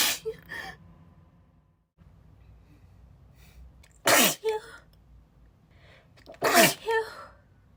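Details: Adult woman, still a little sick, not suppressing sneezes: three forceful, breathy, spray-like sneezes, each with a quick inhaled build-up, in quiet room noise; a sneezing fit.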